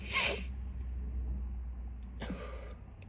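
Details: Two sneezes, a sharp explosive burst then a softer one, with steady room hum, from a woman with a lingering cold who tried an unnamed sneeze-inducing substance to provoke sneezing after a nose tickle.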